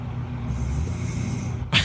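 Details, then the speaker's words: Snoring from a video recording of an adult couple asleep, replayed through a speaker: a low fluttering rumble through the breath ending in a sharper snort-like burst. "you guys can hear that if you're listening in the truck you can probably hear this I'm playing some snoring"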